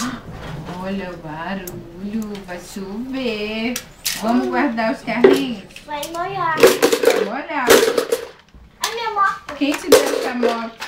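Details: Young child talking with an adult; child speech.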